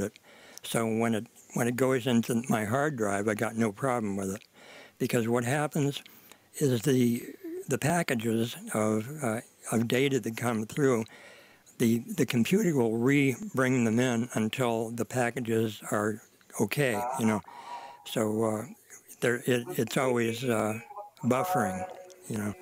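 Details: Adult man; ordinary speech.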